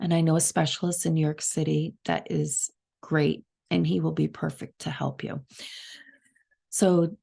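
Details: Adult woman with subglottic stenosis diagnosed September 2023, short of breath and gasping for air while talking, audible to others over the phone.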